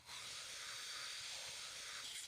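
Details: Steady, airy hiss of a running suction machine drawing air through tubing and a Yankauer catheter, with no gurgling of secretions, during a simulated nursing demonstration of oropharyngeal suctioning.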